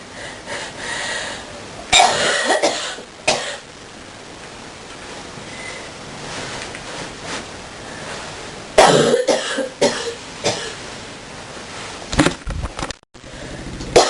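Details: Several deep, harsh coughs in clusters separated by quieter breathing and room noise; deep coughing fit.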